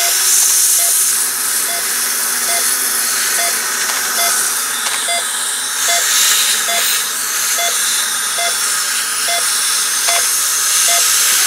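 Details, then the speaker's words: Loud continuous high whine and hiss of a 3.4 mm surgical drill with regular short beeps, drilling the final guided hole for lower-jaw dental implants in a patient with an upper denture. "And we're now on our final drill guide hole. And our final hole is a 3.4 millimeter drill."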